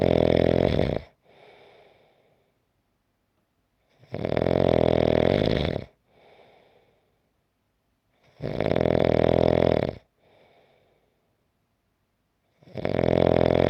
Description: 5-minute clip of snoring.